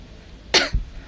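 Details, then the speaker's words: Cough from a young woman with a long-lasting, unresolved cough and hoarse voice, during a live chat; lime and soy sauce remedy tried without relief. "Ya, suara saya serak karena batuk."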